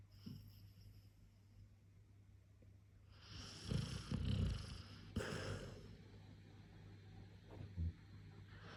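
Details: A sleeping dog snoring: soft, irregular, snorting, rattling breaths in a quiet room, with one louder snore in the middle.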